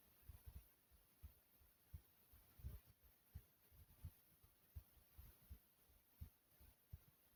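Soft, low, steady heartbeat thumps at about 85 beats a minute over faint room hiss.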